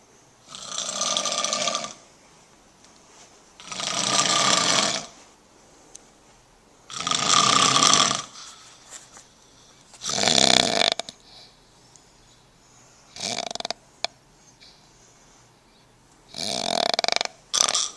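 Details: Rasping, hissy snores with each breath from a sleeping dog, about six in eighteen seconds; snoring.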